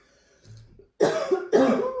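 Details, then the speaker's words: Two loud, harsh, chesty cough bursts in quick succession, preceded by a faint sound, in a quiet room; an adult who has been coughing a little for 2 days, says they have fragile bronchi and had frequent bronchitis when younger. "Oh là, ma cage thoracique, elle a résonné, excusez-moi. Je tousse un petit peu depuis 2 jours."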